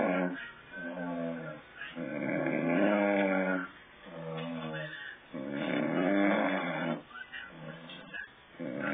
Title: OLD MAN SNORING